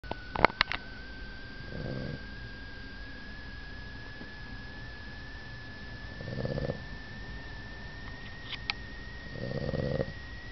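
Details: Snoring while asleep in bed, said to be not as loud as it can get: three soft, low rumbling snores about four seconds apart over a steady background whine, with a few sharp clicks.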